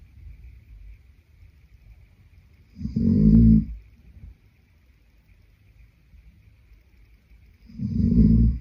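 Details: Sleeping adult man: two loud low rattling snores about five seconds apart, roughly 12 breaths a minute, quiet breathing between; snoring.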